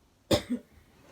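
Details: Persistent cough that is getting worse, with an urgent care visit planned: a single harsh cough burst followed by a softer trailing sound in a quiet room.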